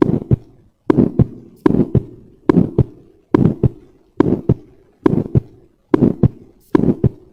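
Regular paired lub-dub beats at about 70 a minute, both sounds crisp and clear; normal first and second heart sounds.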